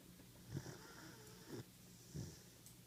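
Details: 14-week-old German Shepherd puppy asleep in an office: soft snorting snores, three in under three seconds, over a steady low room hum; snoring.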